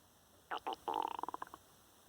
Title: Stomach making digestive noises